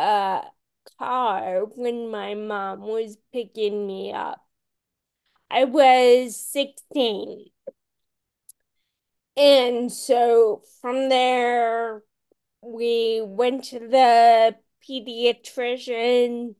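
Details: Adult woman with Friedreich's ataxia, a rare, genetic, progressive condition diagnosed at age 16, who reports long-standing voice issues; ataxic dysarthria.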